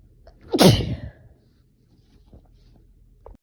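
A single forceful sneeze: a sharp burst of air and noise that fades quickly, then quiet room sound.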